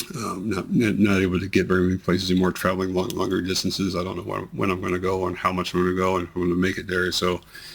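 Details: Man with multiple system atrophy whose tremors have become much more amplified, involve his voice, never stop, and worsen with activity and emotional stimulus; voice tremor.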